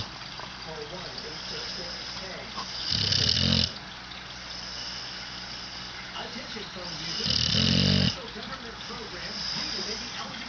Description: my pup snoring